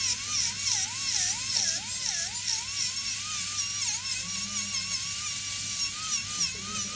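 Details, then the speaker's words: Dental drill removing old composite filling before diastema closure restoration using a silicone index: high-pitched whine rising and dipping as it cuts; background music. "okay so now I removed all the mup composite how can I prep prepare the animal surface for composite restoration"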